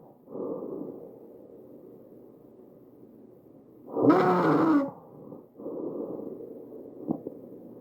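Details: Noisy breaths with a harsh, high-pitched crowing tone on one loud breath; tracheal stridor from narrowed upper airway.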